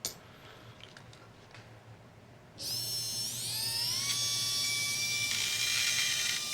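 Quiet room, then a high-pitched whining drill spins up and holds a steady rising whine while drilling bone for a spinal screw.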